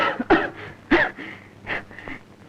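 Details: Several harsh cough bursts with a strained, wheezy edge between them, acted in a scene from a 1979 Malayalam film.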